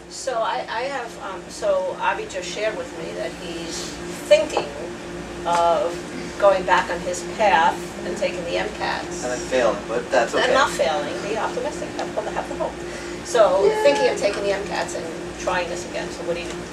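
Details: Adult speaker; normal speech.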